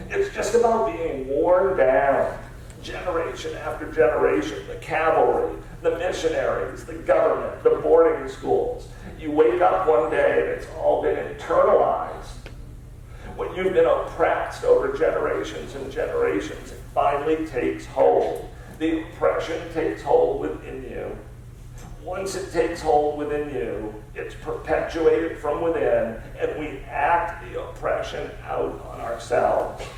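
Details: Adult male CEO diagnosed with spasmodic dysphonia, a rare neurological disorder affecting only speech with no known cause or cure; treated with periodic Botox injections; voice not consistent or comfortable, resetting each morning; spasmodic dysphonia.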